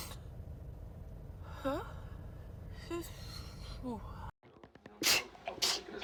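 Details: Squeaky voiced gasps building up, then two sharp sneeze bursts in quick succession: repeated sneezing.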